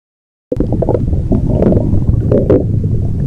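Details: Stomach growl (borborygmi), a continuous low gurgling, bubbling rumble lasting a few seconds.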